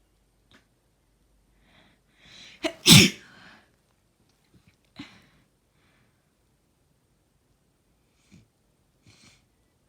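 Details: Adult sneezing after three hours of crying: wet, forceful sneeze with sharp inhale, then a sniffle.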